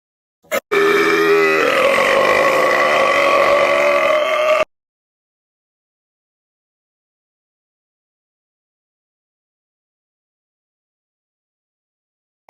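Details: Burping: one long, loud, drawn-out belch lasting about four seconds, then silence.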